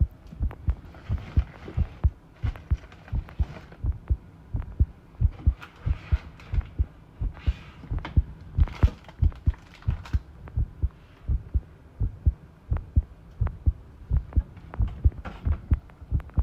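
Heartbeats at about 90 a minute with uneven spacing, over faint rustling room noise: an irregular rhythm, an arrhythmia.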